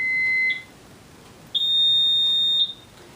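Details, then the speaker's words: IV infusion pump in a simulation lab being switched on: two clear electronic tones, a short lower beep then a longer higher beep, as the pump powers on before tubing is loaded. "so on the pump we're going to come here and we're going to turn it on"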